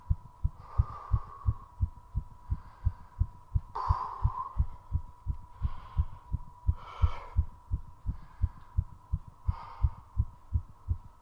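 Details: Rapid, regular heartbeat near 170 per minute with breathing during recovery after 3.5 minutes of squats, with two short breath-holds during recovery; fast heartbeat after exercise.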